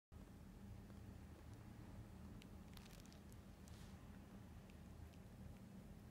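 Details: Black cat receiving nebulizer therapy with medication prescribed by a hospital for lung disease: steady low hum of the running compressor, with a few faint clicks and rustles.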